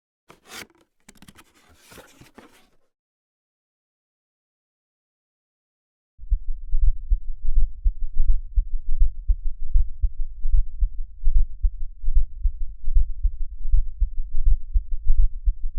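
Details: Brief paper rustling and a pause, then regular low heartbeats by stethoscope at about 83 a minute; heart sounds with a murmur.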